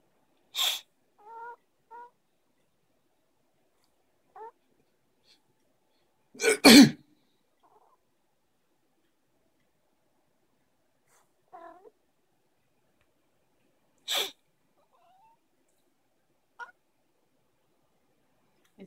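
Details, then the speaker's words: Several brief sneezes, one loud and doubled, with faint squeaky whimpers from Jasper, who dislikes sneezes; sneezing. "Is he sniffing? I'm sorry, he sneezed."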